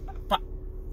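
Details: 27-year-old man with Tourette syndrome making a clucking-like vocal tic between phrases.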